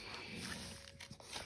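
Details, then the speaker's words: Stomach growling (borborygmi) in a woman in her 50s who says she is not hungry. "excuse me, if you can hear my stomach growling, I don't know why, I'm not hungry,"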